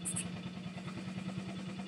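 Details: Rapid, regular low pulsing drone from a high-frequency chest wall oscillation vest, tubing connected to a machine, used for airway clearance by a woman with cystic fibrosis and severely decreased lung function.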